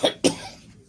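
Two short, sharp cough bursts from an adult in quiet succession, a plain cough.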